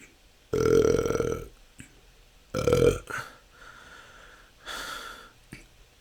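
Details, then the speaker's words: Natural belching, continuous over 10 minutes; person says it can go on for hours and is an ongoing struggle: three or four loud, drawn-out belches within seconds, repeated frequent belching (excessive eructation). "that's 10 minutes this can go on for hours this has been my strugg"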